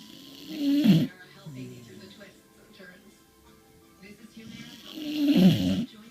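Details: Two rumbling snores about four seconds apart from a sleeping corgi dog, with television talk and music in the background; snoring.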